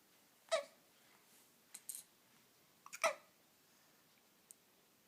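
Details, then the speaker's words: Hiccups in a person who doesn't seem to mind them: brief, sudden, jerky catches of breath recurring irregularly, a few in five seconds, in a quiet room. "You had the hiccups again, huh? That's unfortunate. Well, at least you're in good spirits about it."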